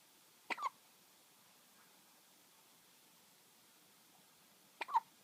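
Two abrupt hiccups about four seconds apart in a quiet room, each a sharp catch with a short voiced click.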